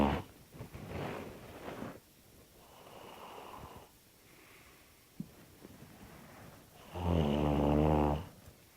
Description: This is what happens after a night of too much beer :P